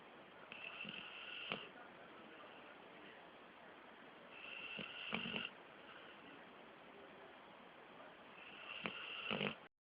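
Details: 13-month-old male pit bull dozing with eyes mostly closed: three slow, raspy snoring breaths over about ten seconds, roughly 15 per minute, each ending in a brief snort, quiet between breaths; snoring.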